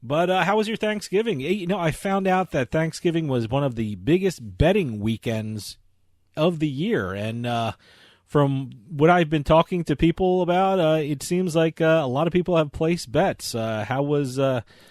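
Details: Adult man speaking; normal speech.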